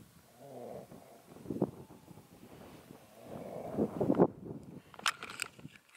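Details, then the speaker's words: Adult man (nephew) asleep in a tent while wild camping on Fan Y Big after a hard hike; he has had many operations. Two rough, rattling low breaths about three seconds apart with faint outdoor wind: snoring. "that he's snoring he's really struggled at this um on this height today"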